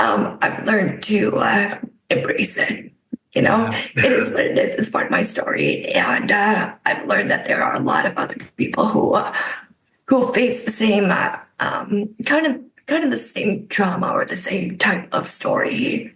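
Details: Adult woman with spasmodic dysphonia caused by neck trauma about 5 years ago, unable to speak for about 2 years, treated with neck Botox injections that help but do not cure; spasmodic dysphonia.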